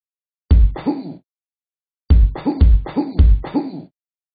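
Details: Repeated low, deep belching from the Talking Ben the Dog app character: one double belch followed by about four more in a row; burping.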